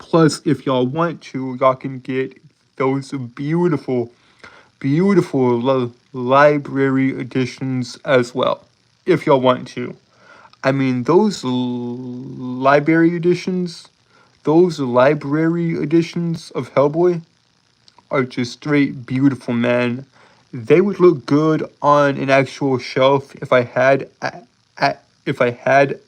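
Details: Lifelong speech impediment present since birth in an adult male, who holds syllables rather than repeating sounds; stuttering with prolongations and blocks.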